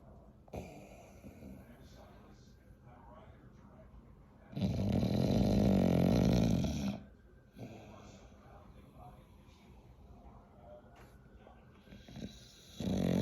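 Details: Sleeping bulldog snoring: loud rattling snore on one long breath in, with quieter breathing between.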